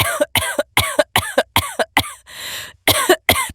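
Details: Simulated coughing fit acted by an adult voice actor: about nine sharp, harsh cough bursts in quick succession, with one breathy pause.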